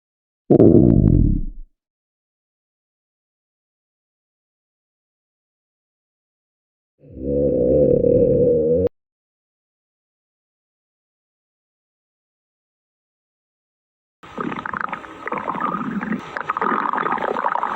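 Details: Stomach growling in someone hungry: three loud, low rumbling and gurgling bursts separated by silence, i.e. hunger borborygmi.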